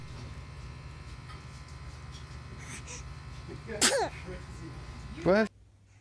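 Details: Two small, high-pitched sneezes from a baby over a steady background hum; ordinary infant sneezing.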